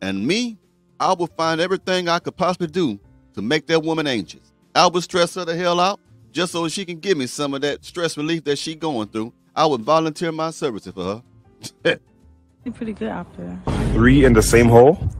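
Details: Adult male speaker; normal speech.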